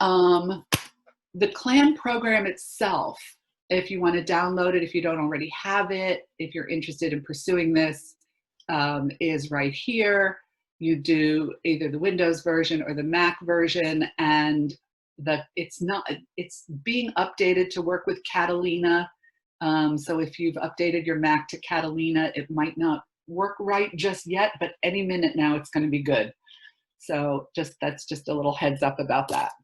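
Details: Adult speaker; ordinary speech.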